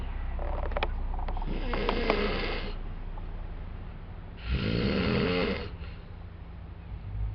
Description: Two snoring asian guys at my hostel in Cologne!